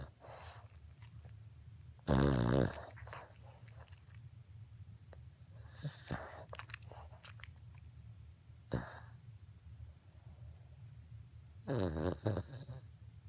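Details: 3-year-old Cavalier King Charles Spaniel sleeping, snoring so loudly that listeners mistake it for a train or a vacuum. Three or four low, fluttering, rattly snores against quiet breathing: snoring.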